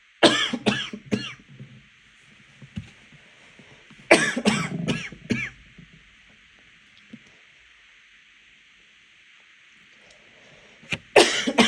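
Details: Coughing fit after choking on water (aspiration), described as a little coughing fit earlier.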